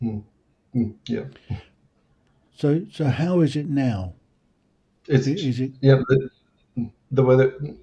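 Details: Adult male speakers; conversational speech.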